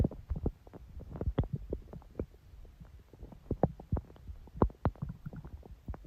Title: Stomach growl. Long